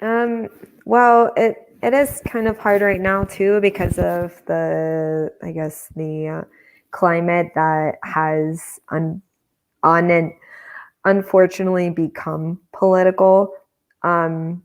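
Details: Adult woman speaking; Normal speech.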